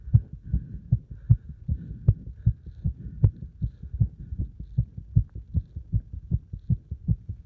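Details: Heart sounds recorded after a combined beep test and squats: strong, regular thumps at about 155 beats a minute, a fast heartbeat after exercise.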